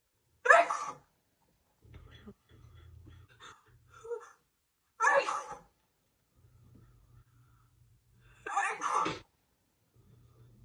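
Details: Three loud, explosive sneezes a few seconds apart with quiet breathing between, part of a sneezing fit lasting over two minutes on camera; sneezing.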